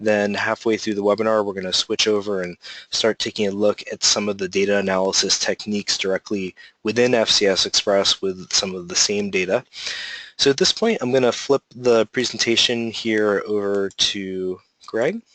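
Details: Adult male speaker; Normal voice.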